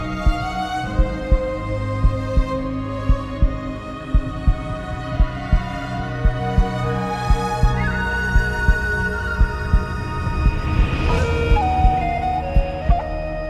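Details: Produced heartbeat sound effect in an epic music mix: steady low thumping pulses, about 57 a minute, under sustained orchestral music.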